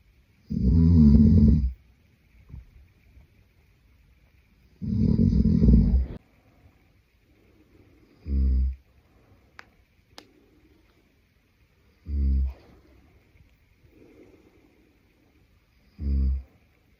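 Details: Sleeping adult man: loud rattling snores alternating with quieter ones, about 14 a minute, with soft breathing between; snoring.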